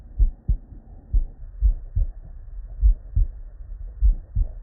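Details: Real, unedited bedside auscultation of a human with normal cardiac physiology: regular paired low thumps at about 50 beats a minute, quiet between beats, no added noises; normal heart sounds.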